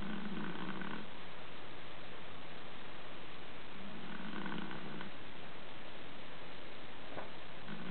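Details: Soft, low rumbling snores every few seconds from a Chihuahua sleeping after tiring itself out playing, under steady background hiss; snoring.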